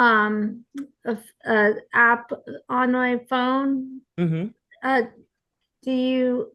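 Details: Aphasia support group participant, likely a woman, speaking with hesitations and word-finding pauses; aphasia.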